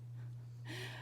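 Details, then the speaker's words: Sleeping pet dog snoring: a low steady hum, then a brief rough snorting breath. "my dog is sleeping and sometimes he snores in his sleep, so he's kind of snoring right now."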